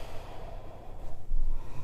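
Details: Resting flat-faced dog during a dog-yoga breathing session breathes with low, snorting, noisy breaths, noted as a little bit of snoring, loud enough to stand out: noisy brachycephalic breathing.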